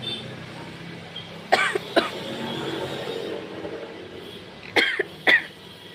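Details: Short, sharp coughs in pairs that come whenever the person tries to slurp noodles in one go without stopping, with quiet room noise between.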